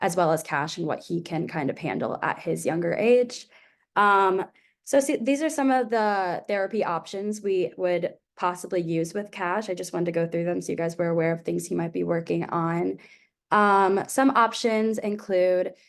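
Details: Adult woman speaking; normal adult speech.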